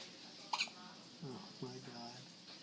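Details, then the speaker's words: A newborn baby girl's first hiccups: a sharp, high hiccup followed by soft infant vocal sounds against quiet room noise. "God I mean it's the cutest little hicups too"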